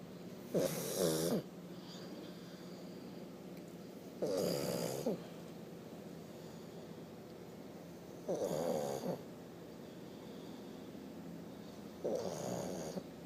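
Four loud, rattling snores at about 16 breaths a minute from a sleeping pug, with quiet steady room noise between them.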